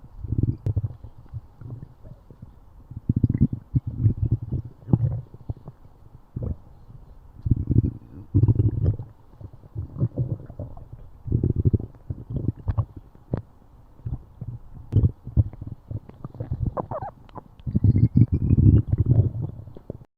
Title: stomach growling